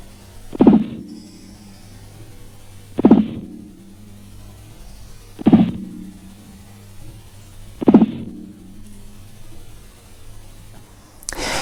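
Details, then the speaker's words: Four soft, regular thumps from a blood pressure simulator arm heard with a stethoscope during manual cuff deflation: Korotkoff sounds, with phase 1 marking systolic and phase 5 (silence) marking diastolic pressure. "fase 1 el primer ruido al desinflar el manguito de la tensión nos indica la presión arterial sistólica la fase 2 el ruido pierde intensidad escuchándose un soplo fase 3 se escucha un ruido suave"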